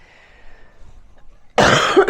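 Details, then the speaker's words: Single loud, harsh cough after a quiet room, from an adult with a lingering cough of almost two weeks after losing their voice for five days; hoarse voice, now improving. "I'm on the upswing. I've had a cough for almost 2 weeks."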